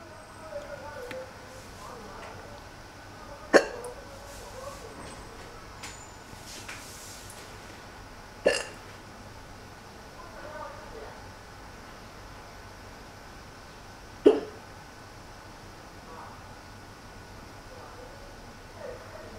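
Three sharp, abrupt hiccups spaced several seconds apart over quiet room noise; ordinary hiccups.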